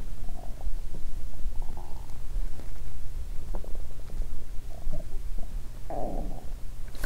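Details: Hunger bowel sounds (borborygmi) from the stomach of a person who has not eaten for more than 15 hours, recorded in the opening segment.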